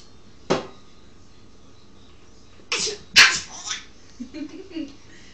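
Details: A child sneezing: a few sharp, explosive sneezes in quick succession, followed by a faint bit of voice in a quiet room.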